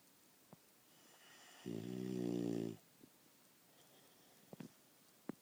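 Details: Snoring during a nap: one loud, buzzy, rattling snore lasting about a second in a quiet room, with a few faint clicks afterward.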